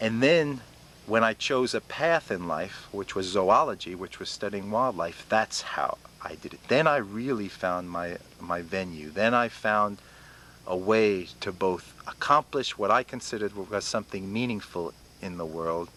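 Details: Adult man about 47 who has stuttered since youth, attended intensive speech therapy at 19, lets himself stutter, with blocks and interruptions that are fewer over the years; stuttering.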